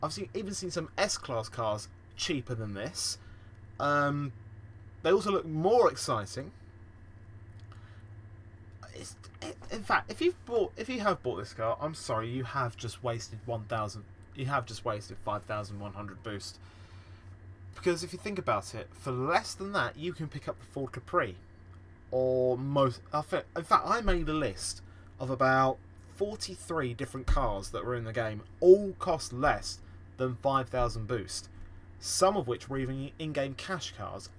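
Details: Male podcast host who says he stammers and stutters a lot; stuttering.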